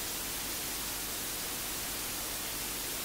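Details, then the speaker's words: Steady even hiss with no voice, the white-noise or tinnitus masking sound played by new hearing aids in their first week, worn for mild/moderate hearing loss with tinnitus: tinnitus masking noise. "I really pay attention I can kind of hear the white noise, or the little noise that's been played, but other than that I can't hear anything!"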